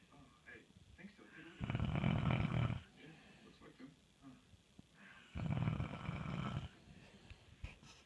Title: Snoring husband